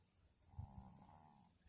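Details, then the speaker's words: A single low, rumbling snore from a resting pet dozing during a livestream, with a faint steady room hum; snoring. "that's roadie Roadie snoring I must be boring her"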